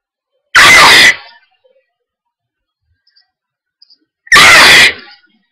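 Two loud, explosive sneezes about four seconds apart, each a half-second burst with a short fading tail, in a quiet room; sneezing with hay fever.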